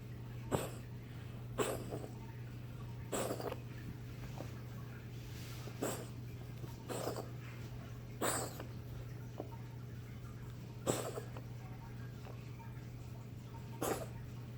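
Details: A cat coughing: about nine short, sharp hacking coughs at irregular intervals over a steady background hum.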